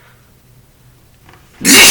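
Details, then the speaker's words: Adult male sneezing while talking, after having a few drinks: quiet breathing build-up, then one loud, explosive sneeze. "CU it's really oh that was a wet one it's really awesome that we can all do this for each"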